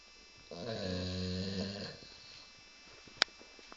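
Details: Sleeping Labrador dog snoring loudly, likened to a pneumatic drill: one long, low, rumbling snore over a second long, then quiet breathing and a sharp click; snoring.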